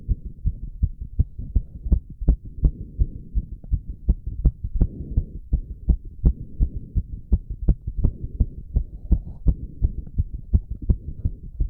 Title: Male's VERY Fast Heartbeat While doing squats (Heavy Breathing + Recovery)